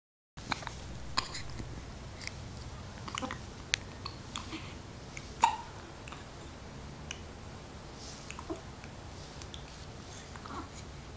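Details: Newborn with soft, sharp catches recurring every few seconds in a quiet room; hiccups.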